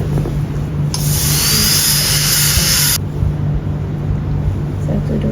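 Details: Shrill, high-pitched whine of a dental micromotor drill with contra-angle handpiece running about two seconds, cutting a Class I amalgam cavity preparation in a premolar practice tooth; low room hum; dental drill.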